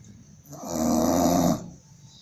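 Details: A single loud, rough, rattling snore of about one second from an English Bulldog, with faint room noise around it.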